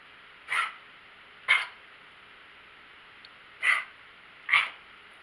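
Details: Dog with a 2-day cough that starts after sleeping and is fine afterward, nothing felt stuck in the mouth, owner wonders about an itchy throat: four short harsh separate expulsive bursts fitting a dry cough, recorded before a walk.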